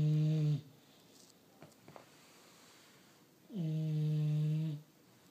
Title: Bulldog snoring